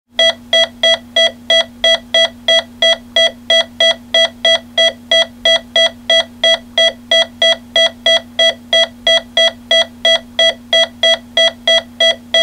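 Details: Sound-effects-library recording, not a real patient: steady electronic heart-monitor beeps at about 180 a minute over a low hum, a hospital monitor sounding a fast rate.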